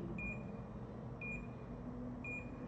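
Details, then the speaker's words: Simulated demonstration: a nerve stimulator held on the outside of a hand, not inserted, gives three short high-pitched beeps about once a second. In practice a small twitch with each beep means the needle is near the nerve, as in brachial plexus block. "bip se ele tá dando um choquezinho junto com o bip é porque você está próximo ao nervo Se você tiver muito longe do nervo ele não responde"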